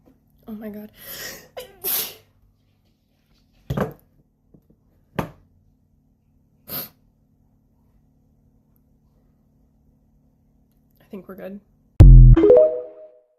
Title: Natural sneezing fit from allergies